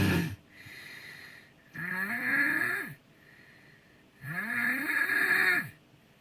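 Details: Friend snoring while asleep, filmed with consent: loud snores with a rising, whistling, moaning pitch on each breath in, about every three seconds, with quieter hissing breaths out; unusually varied snoring.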